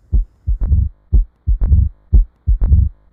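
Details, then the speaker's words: Teaching example of a mid-diastolic murmur of mitral stenosis from a narrowed mitral valve: heartbeat about 60 a minute with a low rumble after the second sound, described as "lub-dee-dar". "म्हणजे हे डायस्टॉलमध्ये होतं, परंतु डायस्टॉलीच्या मध्यमध्ये होणारी जी murmur आहे त्याला mid diastolic murmur असं म्हटलं जातं. याला प्रोनाऊन्सिएशनमध्ये लप डी डर असं म्हटलं जातं."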